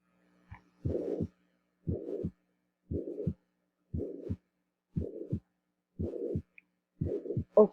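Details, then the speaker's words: Mitral regurgitation in a teaching recording: regular heartbeat near 60 a minute with a long blowing holosystolic murmur that fills the whole of each systole. "ahora vamos a ir un soplo también de insuficiencia mitral pero que ocupa todo el ciclo"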